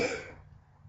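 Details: A single short cough that fades quickly, from an adult man with a tracheostomy and an AIDS-related illness who is undergoing craniofacial nasal reconstruction.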